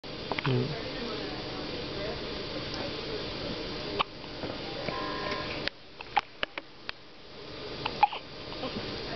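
Several brief, sharp hiccup sounds over steady room noise; repeated hiccups.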